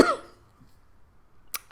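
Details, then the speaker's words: Adult with bronchiectasis and NTM infection, after five minutes of nebulized saline and flutter PEP, a month into antibiotics: one loose, wet cough burst then near silence, a productive cough bringing up sputum. "so you can see that there's not a lot of big globby bits coming up because i've been on the big three antibiotics for a month"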